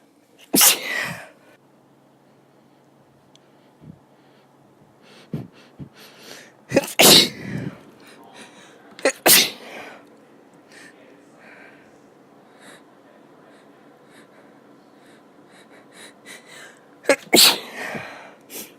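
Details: Several adult sneezes: four sharp, explosive sneezes, some with a brief intake before, plus one partly stifled sneeze.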